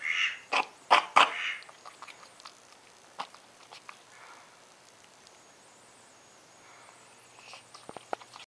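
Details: Bird coughing repeatedly; owner unsure whether something is wrong or he is swallowing many small head feathers: coughing.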